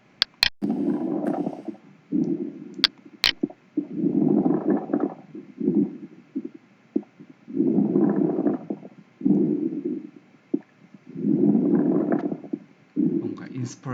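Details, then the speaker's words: Breath sounds at about 16 a minute with fine crackling on inspiration in idiopathic pulmonary fibrosis (IPF): fine crackles. "또 특발성 폐섬유증 ipf 어 이런 환자들은 크래클이라고 해서 바그라 그락 하는 소리가 들립니다"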